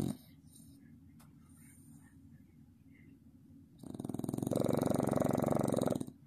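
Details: Sleeping Staffordshire Bull Terrier puppy: quiet breathing, then one loud, rattling, fluttering snore, described as snoring like a grown man.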